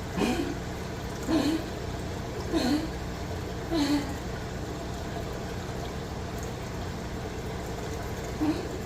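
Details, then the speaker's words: Short, squeaky, whistling breath noises repeat in the background from a 15-year-old dog whose trachea is starting to collapse: wheezing from tracheal collapse. "if you hear the wheezing in the background I apologize our dog is 15 years old um and his trachea is starting to collapse so hence the weezing"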